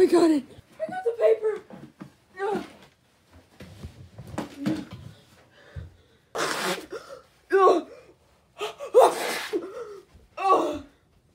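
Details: Person trying to hold in a sneeze, said to hurt a lot: breathy gasps and soft nasal snorts, then several muffled bursts; annoying ringing in the background; suppressed sneeze.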